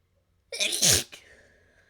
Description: I covered a couple of my inducing tools with dust and this was the result, enjoy :3